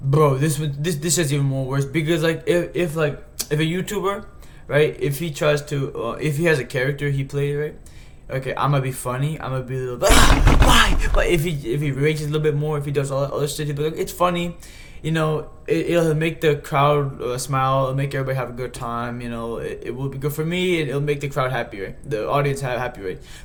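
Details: Male host who says he stutters himself, getting stuck repeating words such as "he he he" and "this this this": stuttering.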